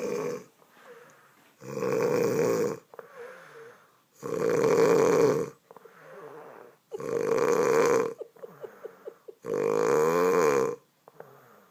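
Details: Snoring mother: loud, buzzing, rattling snores on each in-breath, about 23 a minute, with softer breathing between them.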